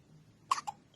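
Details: Baby with strong, recurring hiccups, two sharp abrupt gulping catches about a fifth of a second apart in a quiet room; caregiver wonders if too much milk or not enough burping; infant hiccups.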